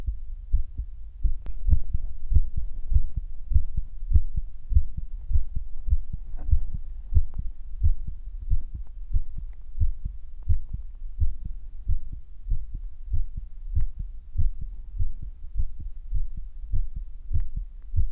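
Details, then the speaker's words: Own heartbeat recorded by the person, who felt it was beating faster than usual: steady, regular low thumping, roughly 95 thumps a minute (possibly about 48 beats counting paired sounds); normal heartbeat. "like 60 to like 80 beats per minute is good."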